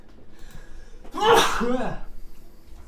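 A single loud, explosive sneeze with a short voiced burst, in a quiet room.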